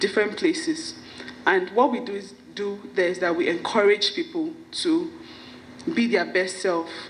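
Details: Stuttering in an adult woman whose stammering began at about age five or six; her parents and sisters also stammer.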